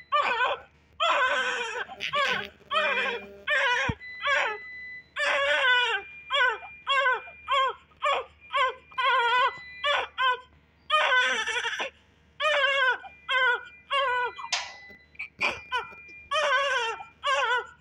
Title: cutest New Born Baby Girl just after birth with First Cry in the hospital videos helthi baby 💞💞